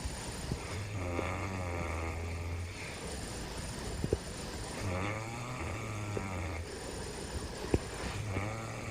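Low, rumbling, vibrating breaths repeat in long cycles against steady background noise, heard as snoring.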